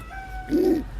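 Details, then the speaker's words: Pigeon's breathing checked during a condition assessment, microphone held close: a single soft, low coo with no wheeze, rattle or cold, and no open-mouth breathing; judged a normal pigeon sound. "tunog niyang yun, ayan, dito yung mic, ayan, yung tunog niyang yun normal lang kasi sa kalapati yun eh."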